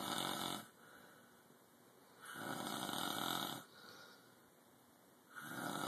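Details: Two sleepers snoring loudly: rough snoring in steady cycles, about 20 breaths a minute, long noisy breaths separated by quiet pauses.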